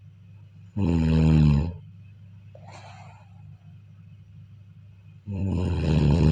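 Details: Sleep recording of a person snoring: two loud, low, rattling snores on breathing in, with a quiet exhale between.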